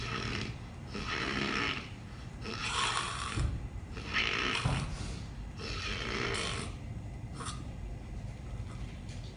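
Loud, rattling snores repeating irregularly, with harsh fluttering breaths in and out; about eight cycles in nine seconds.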